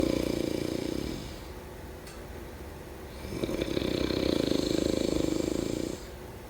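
Two long, low, fluttering rattles on breathing in, separated by a quiet pause, typical of snoring during sleep.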